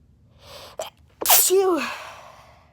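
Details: Induced sneeze: a quick intake of breath, then one forceful voiced sneeze that trails off.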